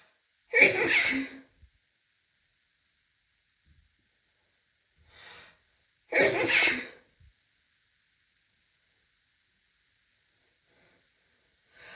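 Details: Woman sneezing after a shower: two sharp explosive sneezes several seconds apart in a quiet room, with soft breaths between.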